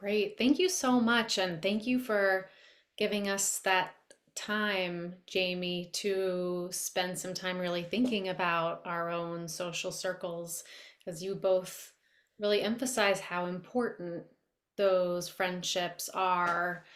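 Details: Adult woman speaking; ordinary speech.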